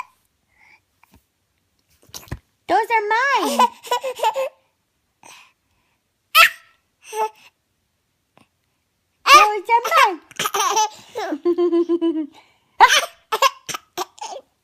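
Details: Infant laughing with hiccups after spitting up: giggles and coos broken by a few sharp, abrupt hiccup catches in a quiet room.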